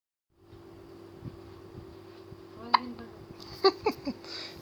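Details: A baby with hiccups: a few sharp, brief catches of breath in a quiet room, each followed by a short voiced squeak.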